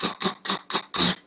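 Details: Deliberately demonstrated throat clearing, described as bad for the voice.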